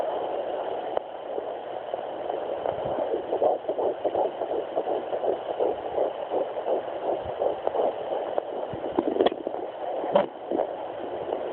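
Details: Twins at 10 weeks 3 days on a Sonoline B handheld fetal Doppler, heartbeats hard to find and finally detected near the mother's pelvic bone: fast whooshing pulses, about 165 a minute: fetal heartbeat on Doppler.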